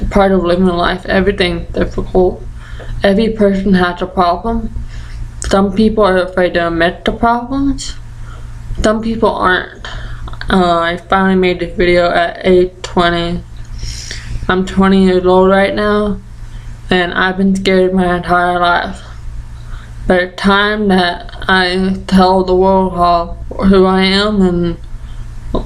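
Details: Ataxic and deaf speech in a 20-year-old deaf woman with ataxia affecting the basal ganglia and Usher syndrome; medication from about age 3, stopped about 2 years later.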